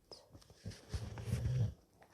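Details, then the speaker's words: A single low, deep, vibrating snore from a sleeping dog in a quiet room; dog snoring. "you hear him snoring snoring away"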